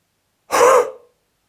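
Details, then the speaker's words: Airway-clearance demonstration: a relaxed breath in through the nose, a pause, then one short forceful open-mouth exhalation, a half huff after a full breath, to lift stuck mucus from the airways; huff (forced expiration). "take a relaxed breath in through your nose pause and then exhale forcefully through your mouth to help lift the mucus from your Airways try taking a full breath in followed by a half Huff"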